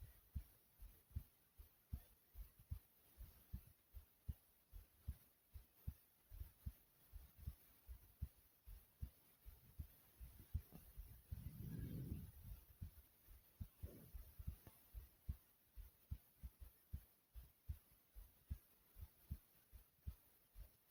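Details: Own heartbeat recorded thumping slower than usual but still pounding: steady low thumps at about 75 beats a minute, with brief rustling noise midway; normal heartbeat.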